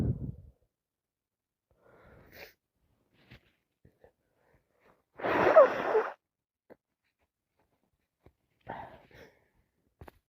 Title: I'm so sick constantly 🤧 sneezing #